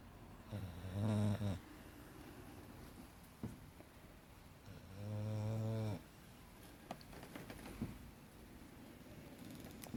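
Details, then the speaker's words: Three-year-old female English Staffordshire bull terrier snoring in sleep: two loud, low, rattling snores about four seconds apart over quiet room noise. "What are you doing? You snoring, baby girl? You have a good sleep? Yeah?"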